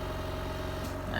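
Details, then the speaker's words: Steady low motor hum with a faint pulsing drone: a Komba Microban oxygen concentrator running normally, about one minute after start, producing around 90% oxygen. "Nah, ini berarti 000 ini artinya mesinnya sudah jalan nih Pak selama 1 menit."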